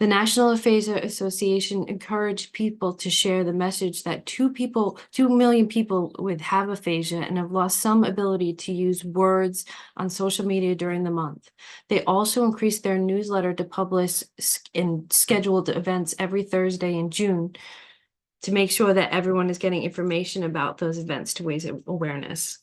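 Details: Adult woman speaking; normal speech.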